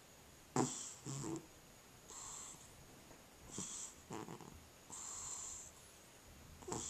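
A sleeping cat makes irregular snorting, snoring breaths with hissy exhales and brief quiet gaps between them, fitting sleep apnea with obstructed breathing.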